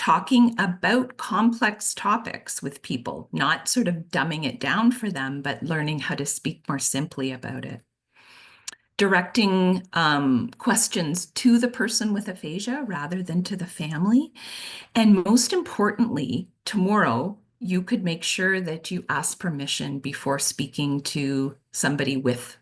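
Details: Adult woman speaking; normal fluent speech.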